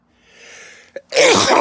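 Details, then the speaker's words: Adult man sneezing while smoking a cigar; a rising indrawn breath and brief catch, then one loud, rough sneeze with a growling, voiced quality; he says he always growls when he sneezes. "no I'm able to recover quickly from it but that one got me to sneeze as well yeah yeah um it's it's odd I growl when I sneeze"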